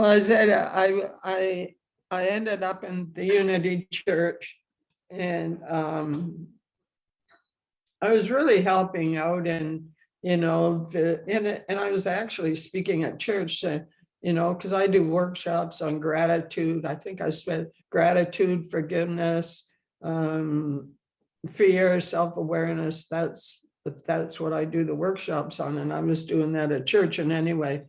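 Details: Adult woman, a retired minister who stutters and has had speech therapy and attended support groups, speaking with repetitions; stuttering.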